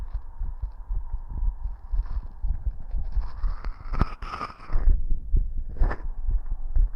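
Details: Rapid heartbeat, roughly 120 to 130 a minute, heard through a stethoscope at different spots on the person's own chest, with rubbing and handling noise; the heartbeat is described as always fast and visible. Fast heartbeat.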